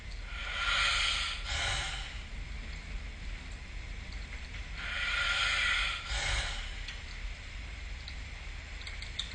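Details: Snoring during sleep, recorded with the SnoreLab app: two noisy, hissing breaths, about 13 a minute, with a soft snore on each inhalation.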